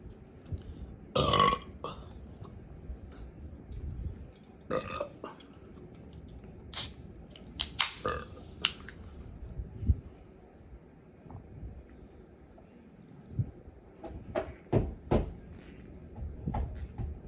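Several loud, deep throaty belches spread across a quiet room, with small mouth sounds between them; repeated burping.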